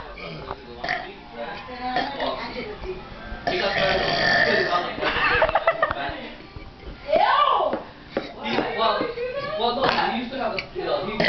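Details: A brother burping on request: loud, drawn-out burps mixed with talking and laughter nearby; burping.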